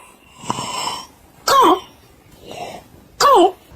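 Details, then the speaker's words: Harsh, barking, dog-like coughs alternating with noisy, strained breaths from a child suddenly coughing at 3 a.m.; the seal-like cough suggests possible acute laryngitis (croup). "晨3点，孩子突然像小狗一样咳嗽，"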